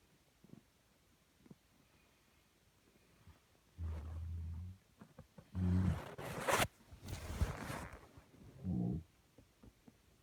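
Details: Snoring of an adult man (the recorder's father), recorded in 2019: a few low, rough, rumbling snores with noisier breathing between them in a quiet room during sleep.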